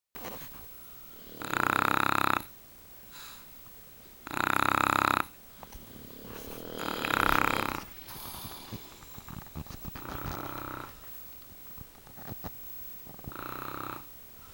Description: One lazy Saturday night I kept turning up the volume on the TV because it was being drowned out by my 2 bulldogs and my husband!